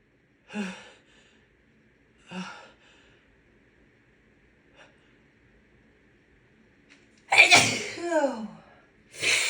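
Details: Woman with a bad cold: two faint catching breaths, then two loud, explosive sneezes with a trailing vocal release; sneezing.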